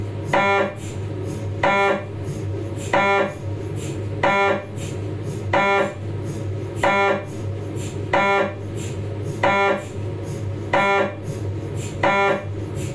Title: MRI Sounds Cervical Spine, Philips 1.5T